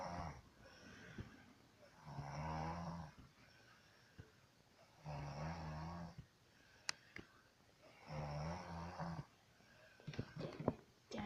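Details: Three loud, rough, rattling snores on breathing in, about 20 a minute, with quiet pauses between, from a sleeping woman; faint room noise and clicks. Snoring.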